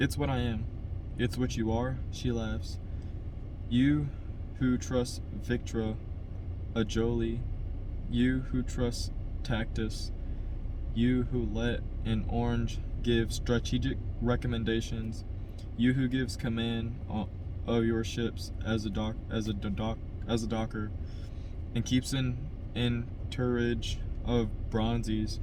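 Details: Adult man who stutters reading a novel chapter aloud as practice to help his stutter; stuttering.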